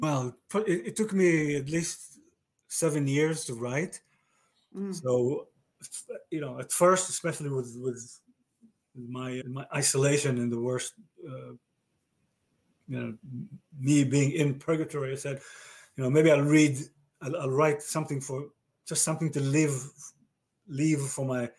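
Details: Male stroke survivor with aphasia diagnosed after a stroke about 30 years ago; aphasia.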